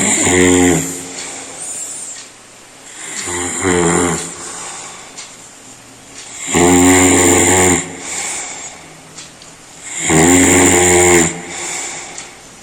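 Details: Human snoring: very loud, harsh, rattling snores on each breath at about 17 per minute, with quieter breath sounds between.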